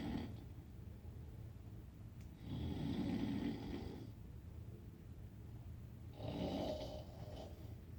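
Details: Snoring during sleep: two rough, rumbling snores about 3.5 seconds apart over a steady background hum.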